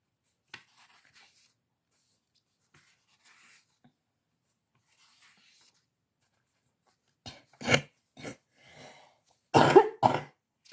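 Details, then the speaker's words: Coughing fit in an adult woman who has been ill, heard while she talks. "Oui, vous pouvez entendre ma toux que j'ai été malade."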